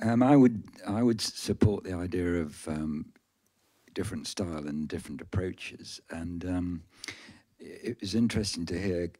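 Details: Stammering in an adult male audience member who describes himself as a person who stammers.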